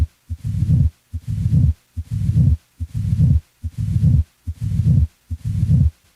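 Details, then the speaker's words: Teaching demonstration of a crescendo murmur: a regular heartbeat of about 72 per minute, each beat followed by a rumbling murmur that grows louder. "the shape of a murmur is determined by its intensity over time a crescendo murmur grows louder"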